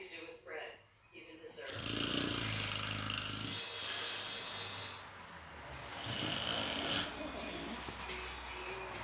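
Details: Heavy snoring: long, rough, rattling breathing noises rising and falling with sleep breaths, with background room noise.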